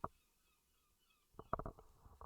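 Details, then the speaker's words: An adult's stomach rumbles during a talk recording, with brief low gurgles and pops. The speaker reports having had stomach issues; borborygmi. "If you can hear my stomach rumbling, I am so so sorry."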